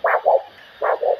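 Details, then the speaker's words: Two pulsatile whooshing beats, each one sound followed closely by two more: a regular, healthy triphasic arterial signal heard with a handheld Doppler probe held lightly on the foot during a foot vascular assessment OSCE demonstration. "so it's one two three one two three this is tri-physic sound which is a healthy sound"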